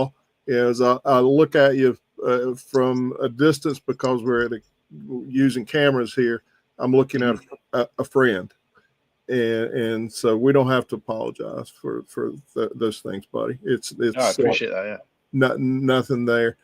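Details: Speech changes in an adult man with progressive supranuclear palsy, a rare atypical parkinsonism affecting balance and speech, plus developing primary progressive aphasia impairing language processing; hearing reported normal.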